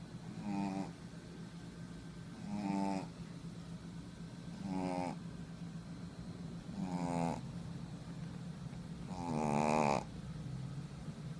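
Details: Female shih tzu snoring while asleep: five soft, rattling snores at a slow, steady pace, about 26 breaths a minute, over a quiet room hum.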